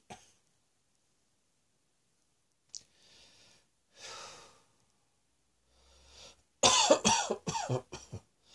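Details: Scattered quiet breaths and throat noises, then a run of several harsh coughs close together: a coughing bout from a cross-dressing person lying on a bed, exhausted after much coughing.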